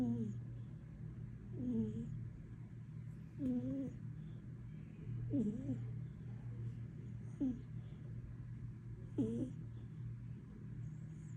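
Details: Sleeping pet cat snores loudly with rhythmic low hums; snoring.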